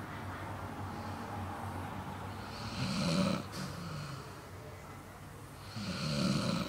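Two slow, low rumbling snores on the in-breath, about 19 breaths a minute, from a sleeping dog, with steady room hum behind.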